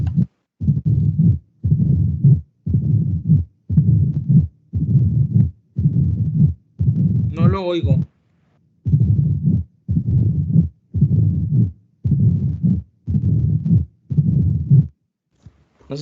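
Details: Continuous machinery murmur (patent ductus arteriosus).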